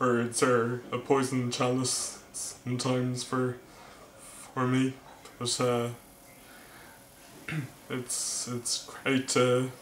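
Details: Male vlogger who stammers, speaking with word repetitions; stuttering.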